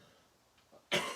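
A single abrupt cough from an adult in a quiet room, with a loose, wet quality.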